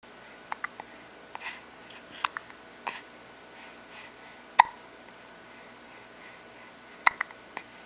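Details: Short, sharp, irregular catches in a quiet room, about eight in eight seconds; hiccups described as not so bad.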